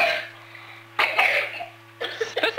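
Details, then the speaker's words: Young child with asthma during a physiotherapy airway clearance game: after big huffs, three coughs with throat clearing, bringing up mucus to spit into a basin; productive cough. "but the old geese just did some magic Huffs at the helicopter great big ones pick up your basins and have a big cough and a spit"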